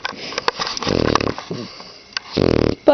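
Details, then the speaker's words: A dog snoring with its eyes open: two rumbling, buzzy snores with soft sniffing noises between them, in a quiet room. "why are your eyes open and you're snoring"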